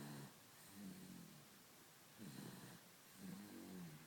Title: Snoring baby